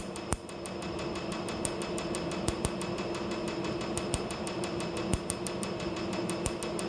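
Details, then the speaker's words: A tattoo removal laser fires during a first removal session, with speed just turned up to the base rate used for a new tattoo. Rapid, regular sharp snapping clicks come about six to seven a second over a steady machine hum. "It's at the absolute base rate for treatment, how you treat a new tattoo. So we'll just start and get it on with."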